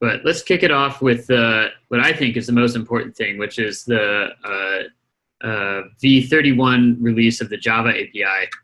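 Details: Adult male speaker; Normal conversational speech.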